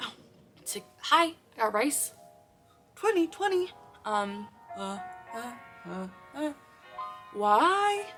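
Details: Adult woman with Tourette syndrome; spontaneous vocal tics occurring while she speaks; vocal tics.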